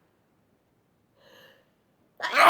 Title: Fit of The Sneezes - highly allergic to DUST!